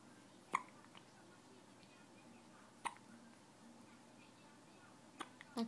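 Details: Sharp, brief hiccups spaced a few seconds apart in a quiet room; hiccups.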